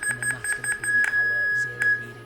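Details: Lower right first molar root canal: after a size 10K hand file was pushed past the apex and backed off, repeated short electronic beeps run into a steady tone, the apex locator's zero reading (22.5 mm). Apex locator tone at zero reading.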